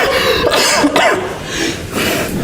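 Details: Adult gives a few short, harsh coughs in a small room; cough compilation.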